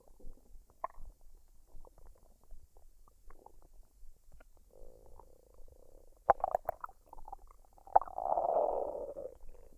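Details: Woman's belly after a fried rice and duck dinner, unedited with no added sounds: soft gurgles, pops and squeaks, then a longer rumbling gurgle; normal bowel sounds of digestion.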